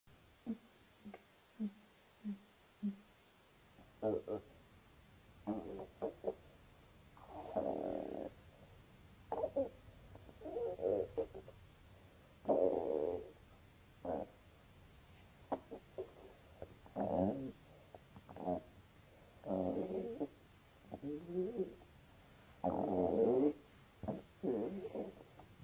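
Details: Irregular gurgles, squeaks and rumbling bursts from a young woman's belly; stomach growling (borborygmi).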